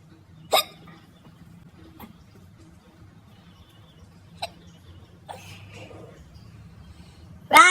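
Sharp, abrupt hiccup sounds spaced a few seconds apart in a quiet room, with soft background voices; hiccups.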